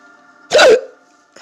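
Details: Hiccups that had lasted a few minutes before recording: one sudden, sharp voiced 'hic' over a quiet, steady background hum.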